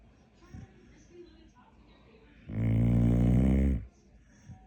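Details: A sleeping dog at bedtime gives a single loud, low, rattling snore lasting over a second in a quiet room; snoring.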